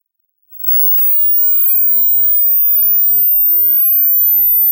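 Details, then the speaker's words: High-pitch hearing test: very high, thin steady tone fades in after about half a second of silence and holds; non-clinical screening tone. "please make sure that you carry out the test under quiet conditions without any background noise and of course don't forget to use enclosed headphones pause the video as soon as you start hearing a high pitch sound in order to see your results"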